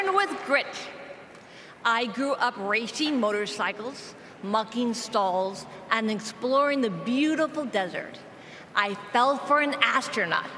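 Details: Persistent aphasia in an adult woman, a former congresswoman, caused by a gunshot wound to the head in a 2011 mass shooting; aphasia.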